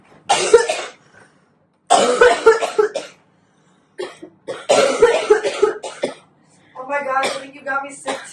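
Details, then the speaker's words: Acted harsh, noisy coughing bouts by a college student, then a brief voiced sound, imitating a flu- or cold-like upper respiratory illness with a sore throat. "Throat hurt. An illness that contains flu and cold-like symptoms, affecting primarily your upper respiratory tract."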